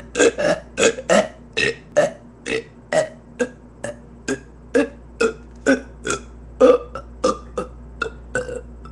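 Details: A long run of about ten short, gulping burps in quick succession over a steady low hum; repeated belching.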